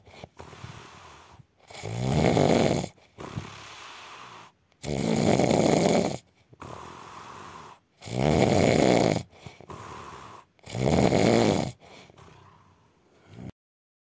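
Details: Adult man (husband) snoring in his sleep: loud, rattling snores on each breath in with quieter breaths out between, about four snores over 14 seconds.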